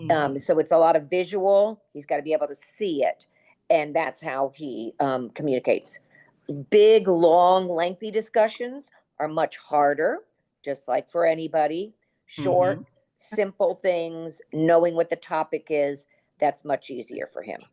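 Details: Adult woman speaking; no disorder.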